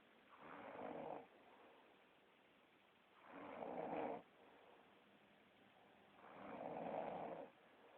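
Three slow, regular snores, about 20 breaths a minute, each a soft throaty rasp on breathing in; snoring.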